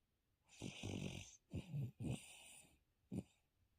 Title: I like to snore real loud and keep everyone awake. #dog #shorts